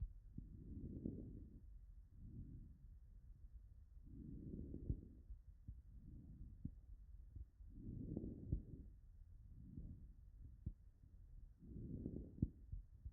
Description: Digital Auscultation of Fine-End Inspiratory Crackles in a patient with Interstitial Lung Disease.